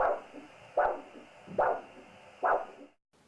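Regular whooshing pulses about 73 a minute, each a sharp rise then a softer second component: a biphasic arterial Doppler signal at the ankle.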